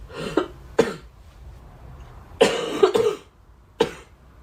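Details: A girl coughs repeatedly: about five short, sharp cough bursts in quick succession, in a quiet room.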